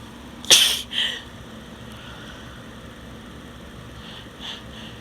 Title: Cold or Flu? (F) Barking Sneezes